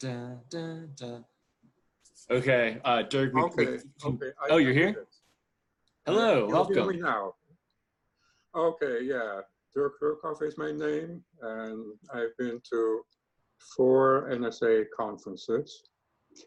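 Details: Participant speaking freely at a stuttering association online open mic; real, unscripted speech showing stuttering.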